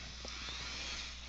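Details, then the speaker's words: High-pitched, steady whine of a high-speed dental drill after a bur change and a speed increase, sectioning tooth number 3 (a first permanent molar) on a 3D-printed model for an extraction, with faint room noise. "we're going to go ahead now and just change Birds I'm going to actually increase the speed a little"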